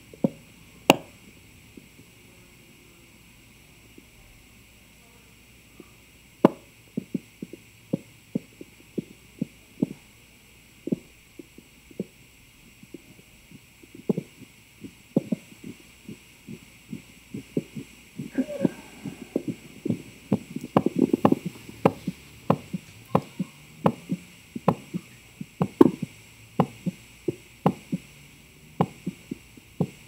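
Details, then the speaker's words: Self-recorded digital stethoscope heart sounds during a Valsalva maneuver: steady at first, then the beat changes in rhythm and loudness during the held, strained breath, speeding up and then notably slowing from its peak around 30 seconds. "after that you can just hear my heart as it is faster but it's that you can hear it's notably mostly slowing down from that peek at the about 30 seconds of the valsalva"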